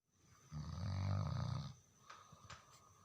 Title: নাক ডাকার original শব্দ/ Original sound of nasal snoring